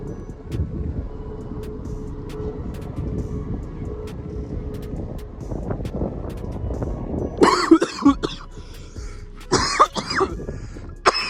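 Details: Outdoor background noise on a hiking trail, then a few harsh, forceful coughs in short bursts right after an inhalation from a vape cartridge; cough after inhaling.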